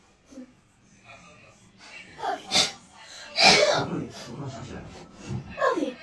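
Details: Several sharp, explosive sneezes with breathy lead-ins, a few seconds apart, from girls doing self nasal swab Covid tests, with a runny nose and watery eyes; sneezing set off by the swab.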